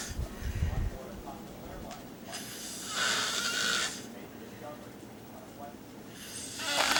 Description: You can see a dog a cat and my mom sleeping in a chair..But who is the one snoring?